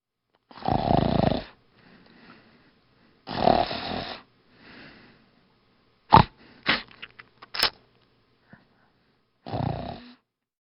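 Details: Three loud, harsh snores a few seconds apart in a quiet room, with faint rustling and a few soft clicks between them; snoring.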